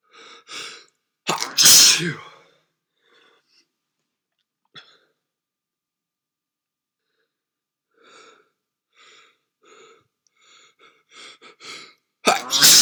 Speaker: Achoo! Achoo! No, I definitely have a cold. Bless me.